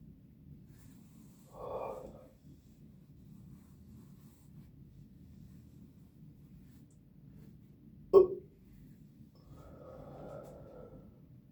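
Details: After finishing a Starry soda, a few low, throaty bursts of released stomach air with a quiet room behind; burping.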